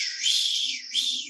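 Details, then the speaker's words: Doppler probe over the dorsalis pedis (pedal) artery of a patient with an occluded artery and no palpable foot pulse: high-pitched whooshing signal with two surges showing blood flow persists. "no voy a tener pulso pero sí hay circulación de sangre Si no no estaría la pierna bien entonces voy a sentir"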